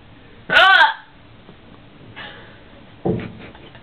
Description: My sister had a bad hiccup.. silly video ;P